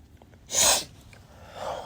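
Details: Male with pollen allergy and itchy eyes: a single sharp, forceful sneeze with a brief intake before it; sneeze.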